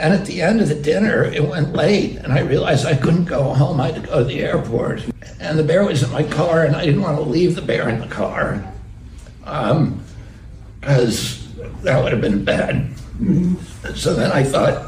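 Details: Adult male public figure, clip of natural conversational speech; he attributes his voice to a vocal condition, spasmodic dysphonia (self-reported, as relayed by a podcast host); spasmodic dysphonia.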